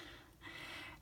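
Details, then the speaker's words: A male dog asleep behind the speaker while waiting for his walk; a quiet, soft rasping snore building over about a second; snoring. "dog has sat behind me and he's fell asleep can you hear him snoring hearing me so loud bless him he's waiting for his walk"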